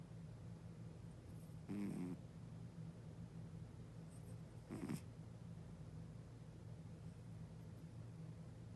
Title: Cat Snoring scene